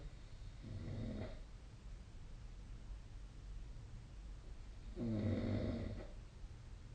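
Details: Snoring sound during sleep, recorded on 2025/05/31.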